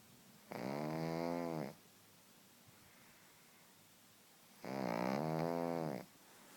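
Two long, loud, rattling snores with quiet pauses between them, typical of a snoring short-nosed dog.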